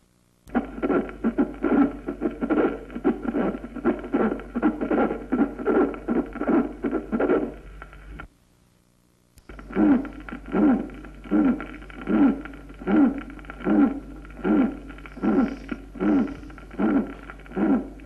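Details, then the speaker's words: Heart sounds at about 77 per minute, each beat carrying a tonal, chirping, bird-like musical murmur. "y son musicales cuando son sonoros tipo piante esto es como el piar de las aves o en arrullo de Paloma o en gras nido de o como un gemido"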